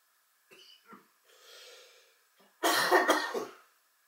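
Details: Person meditating indoors during a coughing fit: soft breaths and throat sounds, then a loud burst of two or three harsh coughs in quick succession.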